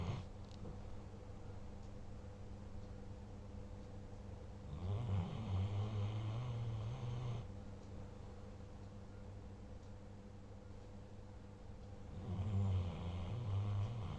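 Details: A tired German Shepherd dog snoring in sleep after eating its fill: low, rumbling snore breaths over a steady background hum.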